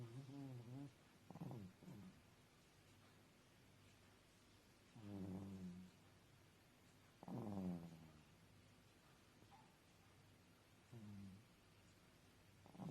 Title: Foxy snoring 😴 ,ฟ็อกซี่นอนกรนเสียงดังค่ะ😆😆27/9/20